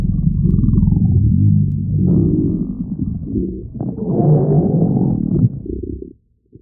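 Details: Stomach growling twice: two long bursts of loud, low gurgling and rumbling, ordinary bowel sounds.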